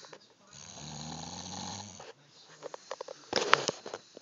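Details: Person snoring in sleep, recorded on an Android phone: one long, rumbling snore on the in-breath, then quieter snuffling and a sharp snort.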